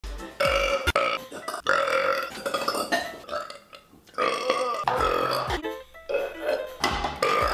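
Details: A woman burping: repeated long, loud, voiced burps with brief pauses between them, over background music.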